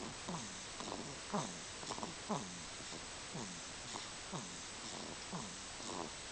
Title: He snores....いびきをかいてるようです。音を大きくしてご覧ください。